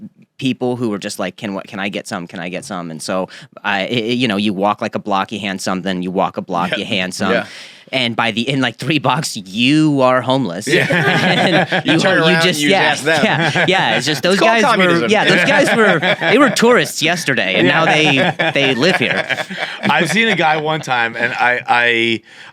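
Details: Neurogenic stuttering in a male comedian. Onset was at age 20 after a softball injury: a ball to the throat, then a blow to the head. He was diagnosed with a major concussion and a minor vocal contusion. It was first thought physiological, and scans years later showed it was neurogenic.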